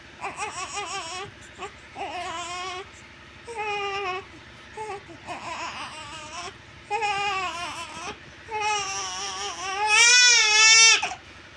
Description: One month old baby Crying।।